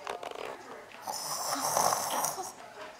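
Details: Simulated snoring: a young boy imitates how his father snores, producing a rough, fluttering breath noise with a raspy hiss.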